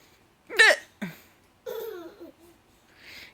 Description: Baby just found it HILARIOUS when her grandma had the hiccups :)